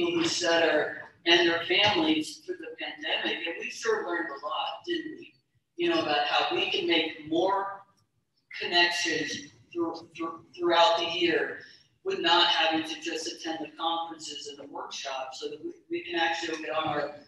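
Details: Adult woman, keynote speaker at a stuttering convention, describing her own stuttering; she recalls being unable to bear hearing herself stutter and gradually stopping wanting to talk; stuttering.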